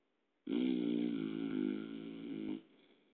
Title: snoring